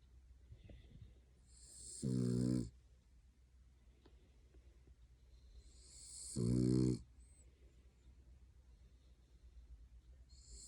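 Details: Pet dog asleep on an owner's lap in an odd position, giving two loud buzzing snores about four seconds apart, each with a hissing breath, over quiet room noise; ordinary dog snoring.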